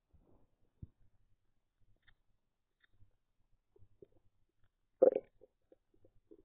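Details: Stomach growling that was loud before recording, mostly quiet here with faint scattered gurgles and one brief louder gurgling rumble; ordinary bowel sounds (borborygmi).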